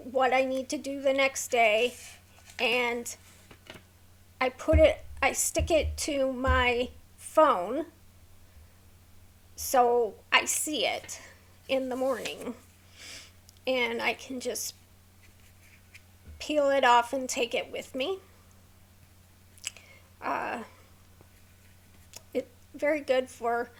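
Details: Woman with a neurological condition causing tremor of hands, voice and head, plus mild tardive dyskinesia; her throat has become sore from straining to talk; vocal tremor.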